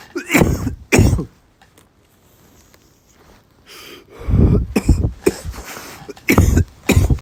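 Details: Adult coughing right after taking a big "rip": repeated deep, forceful hacking coughing fits with short gasping breaths between, following a large inhalation. Cough.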